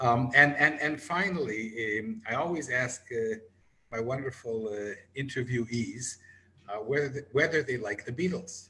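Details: Adult man speaking; ordinary speech.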